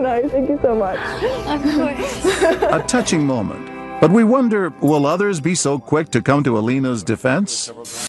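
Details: Adult male speaker; no speech disorder.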